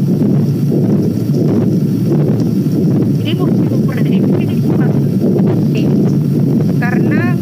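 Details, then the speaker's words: Coarse continuous murmur heard throughout the cardiac cycle, described as easy to recognise; patent ductus arteriosus, in congenital heart disease screening. "Kalau tadi yang PDA kan mudah dia kasar ee sepanjang waktu"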